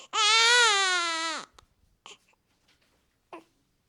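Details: A newborn baby boy crying.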